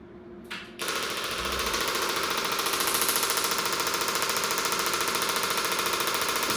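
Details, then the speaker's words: Rapid, regular loud clacking pulses, about 3–4 a second, from a chiropractic clinic's shockwave therapy probe delivering impulses into tender, irritated tissue on the outer elbow, moved up and down; shockwave therapy device. "we're going to put quite a few impulses into that irritated tissue itself then we'll move the probe up and down to reduce local muscle tension in the areas above and below so this is what shock wave kind of sounds and looks"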